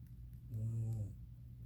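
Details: Adult woman (a mother) snoring: a single low, droning snore lasting about half a second against quiet room noise.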